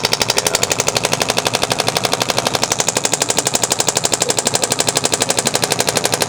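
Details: Radial shockwave therapy device on the shoulder blade for shoulder pain from a heavy backpack, pressure kept the same: rapid, very regular sharp tapping pulses at about 4 a second, like a small pneumatic hammer.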